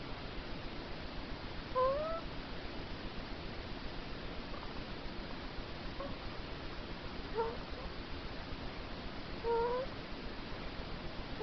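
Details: A 10-day-old baby boy fast asleep making three soft, brief squeaky whimpers over steady room hiss; normal newborn sleep noises.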